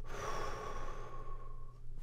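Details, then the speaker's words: Imitated moderate inspiratory stridor in abductor spasmodic dysphonia teaching: a quick full in-breath with a steady whistling-tonal vocal noise, the desired effect after Botox, unlike pure rushing air. "so I went all the way from empty to all the way full in just that Split Second and all you heard was rushing air noise you didn't hear any vocal noise"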